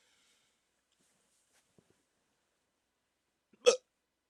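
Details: Single sharp, abrupt hiccup after near silence, with a faint earlier catch, during a 14-minute hiccup attack on waking from sleep with a CPAP mask used for sleep apnea; ongoing hiccups.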